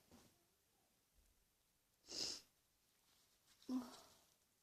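A quiet room with a single sharp hissing sneeze, followed by a softer voiced burst; an ordinary sneeze.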